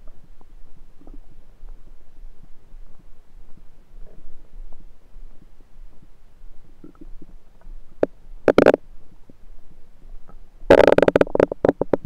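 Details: Quiet low gurgling then two loud rumbling gurgles, recorded over the recorder's own abdomen with a USB stethoscope; ordinary bowel sounds, normal stomach rumble.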